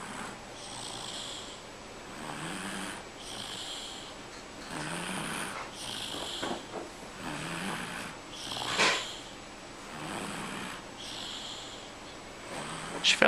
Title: Snoring Baby!